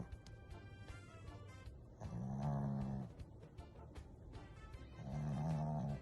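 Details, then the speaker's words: Snow dog just discharged from hospital, sleeping in the same position for nearly 2 minutes: two long, low, rumbling snores about three seconds apart, with background music. "Have a good sleep, honey. So snoring. In the same position nearly 2 minutes."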